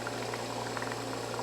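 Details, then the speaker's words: Home-built, hand-operated, pressure-regulated non-rebreathing emergency ventilator run on oxygen, demonstrated: steady bubbling of air out through the water column with a low hum, showing the needed pressure has been reached; hand-operated ventilator bubbling. "he'll blow the water out of this tube if you're not careful and there's really no reason to push it hard once it starts coming out that in you've reached the pressure that you need"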